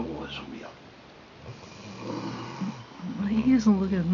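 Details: 8-month-old Rhodesian Ridgeback pup sleeping through a conversation: low, rumbling snoring with a snorting quality, room noise behind. Snoring.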